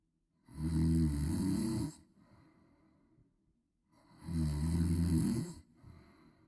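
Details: A baby snoring while asleep, with a snort.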